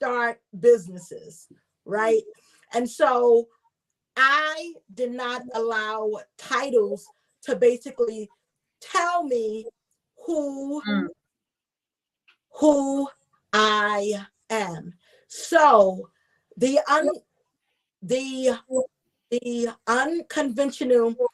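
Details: Adult woman, self-identified stutterer, with audible word repetition; stuttering.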